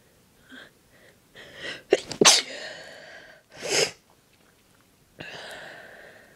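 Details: Person sneezing on request, announcing the sneeze, with breathy buildups and stifling: soft pre-sneeze breaths, then two sharp sneeze bursts close together, a third sneeze, and a final stifled exhale.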